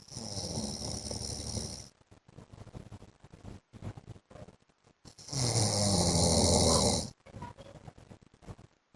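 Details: Adult man (husband) snoring during sleep: two loud, harsh, rattling snores, each about two seconds long, with quieter breathing noises between them.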